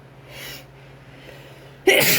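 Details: Induced cold sneezes with itchy nose, partner blessing: a breathy indrawn build-up, then a sudden loud burst as a sneeze begins.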